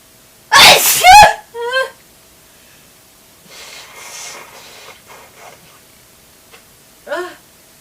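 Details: A loud explosive spray sneeze with a voiced trailing sound, then a quieter sniff and a brief vocal sound; forceful sneezing.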